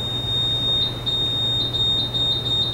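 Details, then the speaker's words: Steady high-pitched tone with repeated beeps over room hum: a student-built invasive blood pressure monitor alarm going off while a bag diaphragm with flex sensor is pressed to test the full range. "it also triggers the alarm this piece from an indicator yeah that's the beach and all the alarms are going off because with this way we can test the full range of the device all the way from zero to the maximum and the resets and everything and that's what we did"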